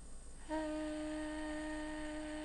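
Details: Bilateral vocal fold nodules after 25 days of voice treatment; long sustained 'ee' phonation during laryngoscopy; sustained phonation with vocal fold nodules after voice therapy.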